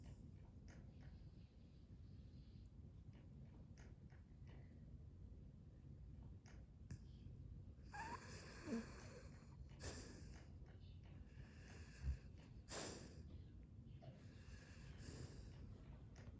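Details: Low steady rumble with a few irregular snorts and noisy breath bursts: sleep snoring.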